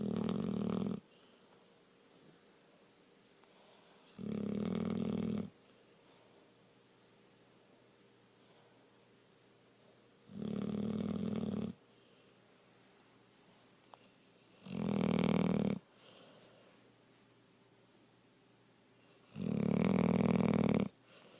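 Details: Fake snoring, imitated while awake, not made in sleep: loud rattling snore sounds recur about every five seconds with quiet between.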